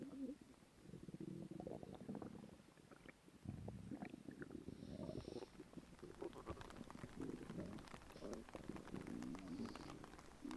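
Quiet, irregular gurgling and rumbling from the belly; ordinary stomach growling from gas and fluid moving through the gut.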